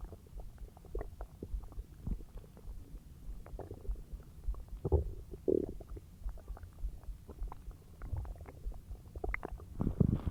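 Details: Bowel sounds (borborygmi) of digestion after a huge meal: low gurgling and rumbling abdominal noises with brief louder gurgles, an ordinary finding.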